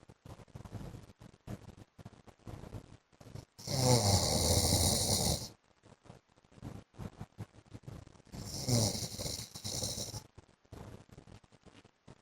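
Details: Adult man (husband) asleep: two loud, rough, rattling snores on inhalation with faint quieter noises between; snoring.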